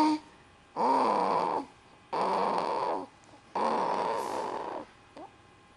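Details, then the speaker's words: Mack, a sleeping animal, snoring for about five minutes: three long, rough, rumbling breath sounds with quiet pauses between them. "you've been making that noise for about five minutes i think he's all out of breath"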